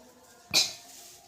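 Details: A nurse guides a young patient through deep breathing and effective coughing, and after breathing out the patient gives a single short, sharp voluntary cough.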